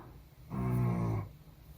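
A single low, buzzing, drawn-out breath sound of just under a second, rising and fading in a quiet room: a loud snore from a sleeping animal.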